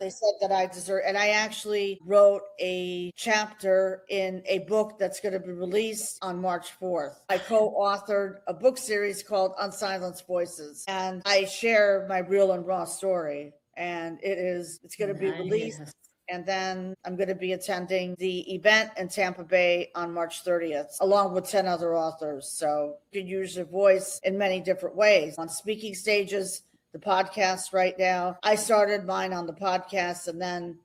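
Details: Adult woman speaking; normal speech.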